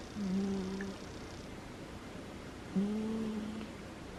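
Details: A sleeping female cat gives two soft, low, droning snores about 2.5 seconds apart, each under a second, against quiet room noise: snoring.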